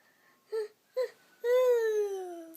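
Two short fussy whimpers, then a longer falling wail; an ordinary infant cry in a quiet room.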